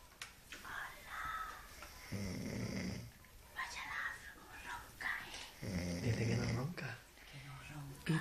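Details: Adult man asleep snoring: two loud, rattling, low buzzing snores on inhalation about 3.5 seconds apart, with quiet talk and laughter in the background.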